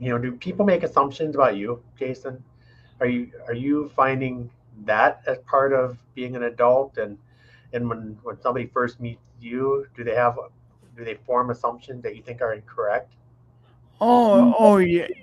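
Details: Adult male speaker; typical speech.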